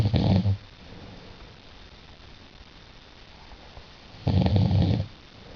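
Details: Snoring at night during sleep: two loud, low, rattling snores about four seconds apart with quiet breathing between them; ordinary snoring.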